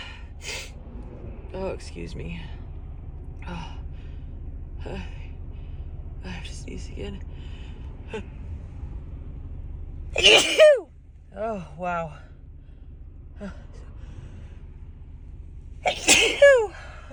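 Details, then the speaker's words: Adult woman having a sneezing fit in a car on the drive home, now stuffed up and possibly getting a cold; two forceful sneezes, each preceded by gasping build-up breaths, over road rumble; sneeze. "oh God oh my God I just can't stop sneezing oh excuse me wow"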